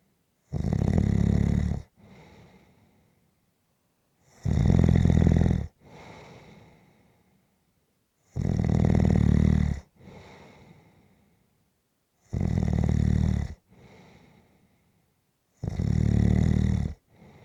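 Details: Snoring during a nap: loud rattling snores on each breath in, about 15 breaths a minute, with quieter breaths out; regular heavy snoring.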